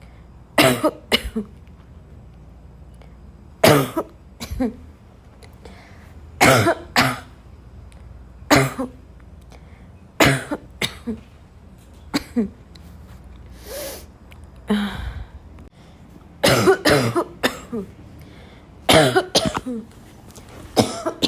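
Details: Adult coughs repeatedly in short, harsh, dry barking bursts, about eighteen coughs, with throat clearing, snorts and a gasp between: barking cough.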